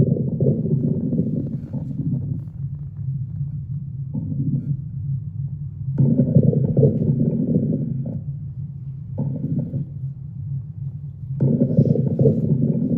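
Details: Normal bowel sounds heard by stethoscope auscultation over the abdomen: low rumbling and gurgling that swells and fades irregularly.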